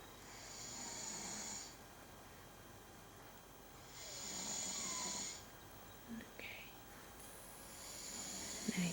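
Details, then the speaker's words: Sleeper in a bedroom, with slow, breathy, hissing snores about every three seconds, around 16 per minute, and small rustles; snoring. "If you hear it closely, you can hear them snoring."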